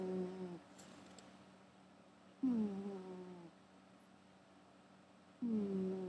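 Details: Gary the cat snoring while asleep: soft, whistling, slightly tonal snores about every three seconds with quiet pauses between; harmless sleep snoring.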